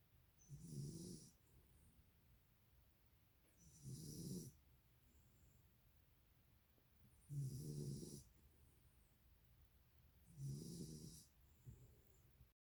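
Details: Soft, regular snorting snores with quiet breaths between, about 19 a minute; snoring in a young child.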